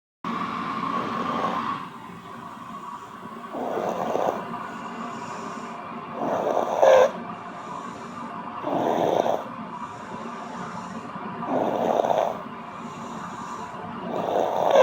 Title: snoring (audio only)